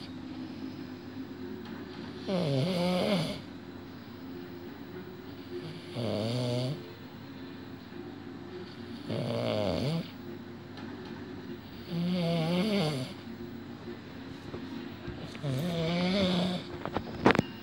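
Rhythmic rattling snores on each breath in, about five in seventeen seconds, roughly 17 breaths a minute, over steady room hum.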